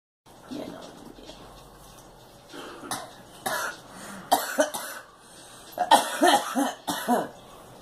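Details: A girl gives several short, sharp coughs in quick clusters after quieter breathy sounds, with faint room noise.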